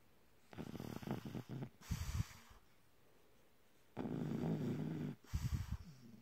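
Two breath cycles of fluttering, rattly snores with a soft snuffle after each. Snoring in a sleeping animal.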